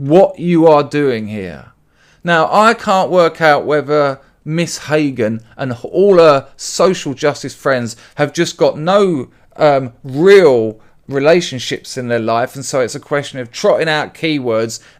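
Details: Adult male speaker; no disorder.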